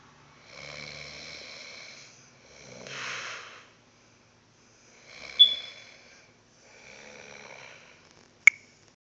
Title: Old man snore